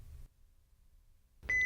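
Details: Philips HeartStart OnSite AED in a demonstration and training recording: brief quiet pause, then a loud electronic alert tone just before the "Shock advised, stay clear of patient" voice prompt.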